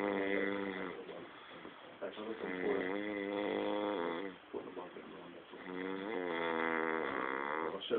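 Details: An adult man asleep at work snores, recorded by co-workers on his own phone: snoring.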